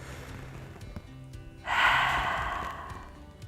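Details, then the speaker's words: Deep-breathing exercise, active cycle of breathing for a productive cough: breath in through the nose, then a long, unforced breath out through the mouth, done five times. "breathe through your nose and out through your mouth and you do that five times"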